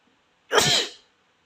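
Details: Asian boy sneezing until his nose runs; a single sharp, explosive sneeze with a burst of air lasting about half a second.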